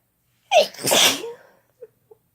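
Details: Sneeze induced using a chhinkni: one forceful sneeze, a sharp intake then an explosive burst, followed by two faint small sounds.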